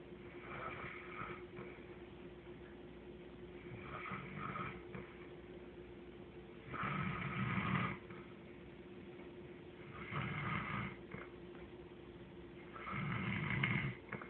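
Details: Four rumbling snores about every three seconds against a steady room hum; snoring during sleep.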